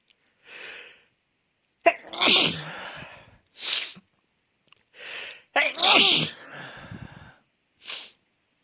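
Two loud sneezes, each preceded by a gasping in-breath, with softer breaths and sniffs between; a repeated sneezing fit.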